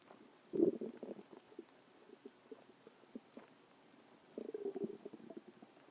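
Low gurgling rumbles in two bursts with scattered small pops between them: ordinary stomach growling from gas and fluid moving through the gut.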